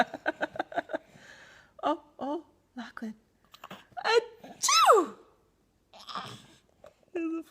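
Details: Six-month-old baby laughing at an adult's pretend sneezes; the sneezing is imitated, not a real symptom.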